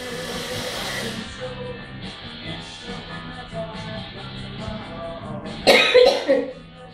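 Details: Short burst of coughing right after inhaling tobramycin inhalation powder from capsules in a Podhaler inhaler, with music in the background.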